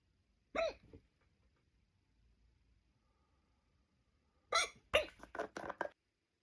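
Short, abrupt voiced catches in quick clusters, a pair then a run of several, typical of hiccups.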